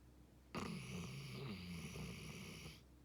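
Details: Sleeper having an intense dream: one long, loud, buzzing snore with a fluttering low tone; big snoring.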